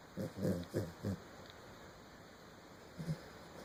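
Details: Snoring while asleep: short low nasal snorting grunts in a quick cluster, then a pause and two more.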